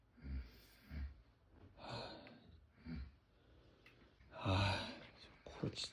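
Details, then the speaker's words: Boyfriend with rhinitis and severe snoring, asleep: loud, irregular snorting breaths with gasping catches; snoring with gasping breaths. "자기야 자기 코고리 너무 심해서 자기가 해야 될 거 같아"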